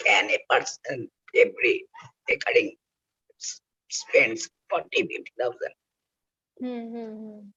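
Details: Adult male laryngectomee whose voice box was removed for cancer, using oesophageal speech by the injection method; oesophageal speech after total laryngectomy.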